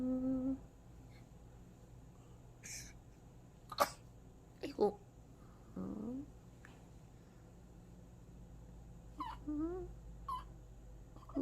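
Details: Newborn about 5–6 days old in a postpartum care centre: soft squeaks, brief grunts and short whimpers over quiet room noise; ordinary newborn fussing.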